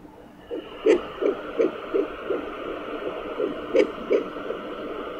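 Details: Fetal heartbeat at 10 weeks' pregnancy on a Sonaline B handheld pocket Doppler: rapid, regular whooshing thumps near 170 a minute; mother suspects two heartbeats (twins) or an echo.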